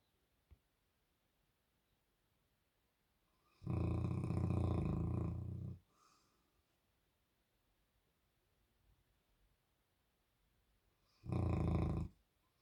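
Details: Two loud, deep, rumbling snores several seconds apart in a quiet room from a sleeping, dreaming Bernese Mountain Dog with his tongue out.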